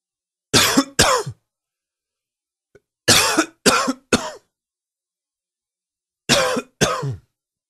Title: Coughing 13